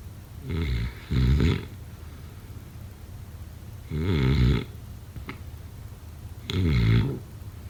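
Loud, rough, low rattling snores on the in-breaths, some in two-part bursts, about four breaths in under eight seconds; typical snoring.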